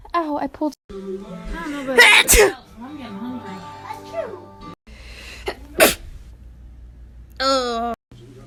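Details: Person sneezing: sharp bursting sneezes amid background music and chatter.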